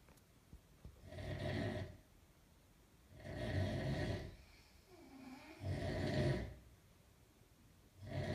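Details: Sleeping parents snore with low rattling snores on each in-breath, about four in eight seconds (roughly 26 breaths a minute), in a quiet room; snoring.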